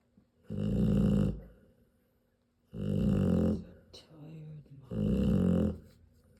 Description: My Serbian import Mamma Odea sleeping - snoring loudly while she nurses her 10 three day old Rottweiler puppies.